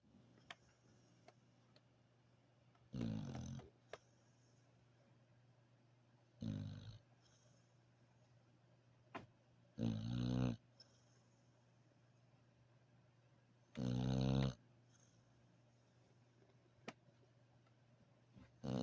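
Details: A dog sleeping after a hard day of play gives four rough, rattling snores spaced several seconds apart in a quiet room with a steady low hum; ordinary dog snoring.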